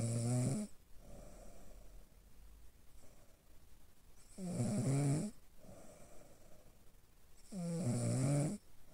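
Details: Three loud, rough snores with quiet pauses between breaths, about 18 a minute, recorded by a smartphone sleep-monitoring app in a patient evaluated for obstructive sleep apnea; snoring from obstructive sleep apnea.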